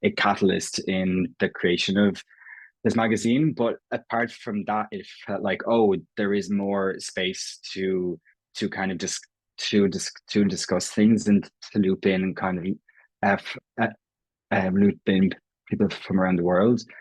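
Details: Irish adult man who has stammered since he can remember, self-identifying prolongations, repetitions and blocks; real, not acted: stuttering (stammering).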